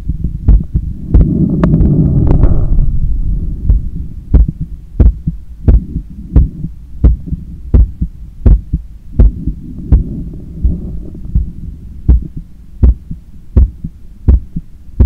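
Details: Heart sounds heard through a stethoscope right after a 10km run, lying on a daybed and leaning on the left side, while trying to control breathing. Strong regular beats at about 85 a minute with low handling rumble; normal heart sounds after exercise.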